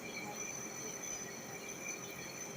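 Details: Nebulizer compressor running with a continuous high-pitched hissing whine while a baby is given a nebulizer treatment.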